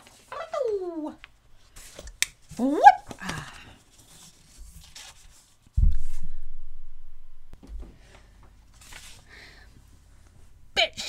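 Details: Woman with Tourette syndrome and echolalia, mimicking sounds from her environment, in genuine outtakes from a voice-over recording session; vocal tics (animal-like noises).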